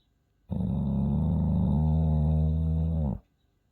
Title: Listen To This Dog Snore, Bless 🤣